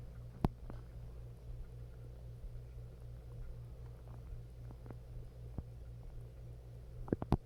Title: Upset stomach growl